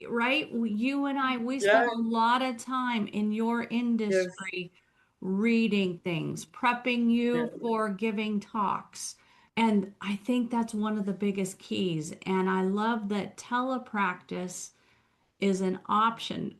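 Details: Adult woman speaking; typical speech.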